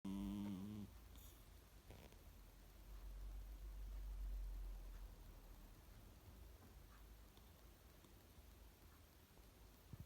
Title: Cat snoring 💤 soo süß 💗💗💗